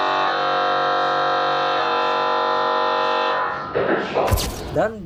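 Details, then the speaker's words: Conventional MRI scanner during a head scan: loud, steady electronic buzzing tone while running a sequence, ending with brief speech and a clap. "Ini ketukan polanya berganti-ganti ya setiap beberapa menit dan ini berlangsung terus selama proses scan. Suaranya kurang lebih kayak gini, Sob."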